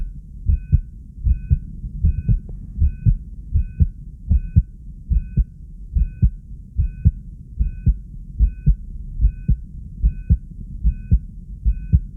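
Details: Excited subject recorded with a 3-lead monitor: regular paired heart thumps at about 75 beats a minute, with faint steady monitor beeps in the background; normal heart sounds.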